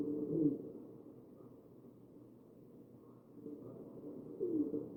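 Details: Wheezing in a ventilated patient, recorded on the chest: low, muffled breath sounds with a faint musical, cooing tone at the start and end of the cycle.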